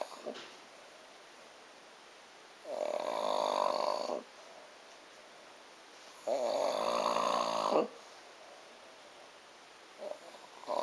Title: Horkolás / Snore